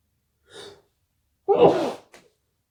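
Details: One loud explosive sneeze after a soft indrawn breath, with a brief trailing sound, during a morning sneezing fit of unknown cause; person wonders whether it is another cold.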